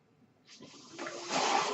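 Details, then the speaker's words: Breath sounds of a home mechanical ventilator, heard in the background while its user speaks into a recorded podcast. "Hello everyone, my name is. That noise you're hearing is my ventilator, and welcome to Page Turners They Were Not, my Star Wars podcast."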